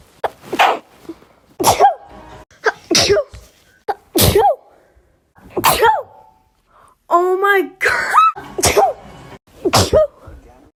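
A run of about nine sharp, explosive sneezes, several with a short voiced cry, separated by brief pauses.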